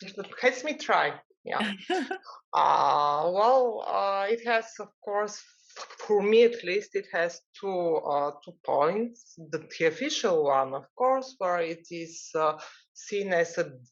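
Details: Adult man from the Netherlands who stutters, at times severely; long pauses between words suggest blocks; stuttering.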